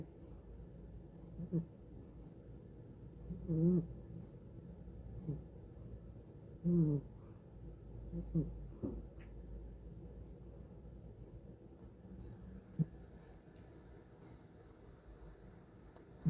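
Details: Sleeping cat snoring: soft, low, rattling snores, about 19 a minute and unevenly spaced, under a steady hum.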